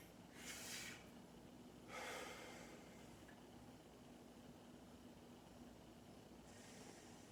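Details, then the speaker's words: Two deep, even breaths in and out through the mouth during a nurse's head-to-thorax assessment of an adult male patient, chest rise symmetrical; no abnormalities heard, breathing clear; normal deep breathing. "all right i didn't hear any abnormalities um patients breathing was um was clear"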